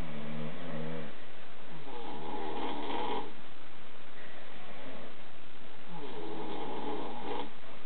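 Loud, rough, fluttering snores, about three breaths in eight seconds, both in and out, with a muffled, low-quality sound.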